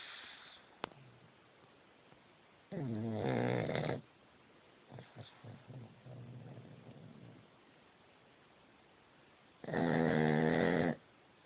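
Two loud, rough, rattling breaths drawn in about seven seconds apart, with softer breathing between: heavy snoring.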